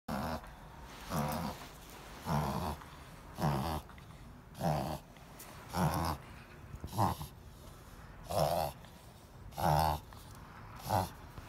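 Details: Boston Terrier reverse sneezing: repeated loud snorting, honking breaths, about one a second.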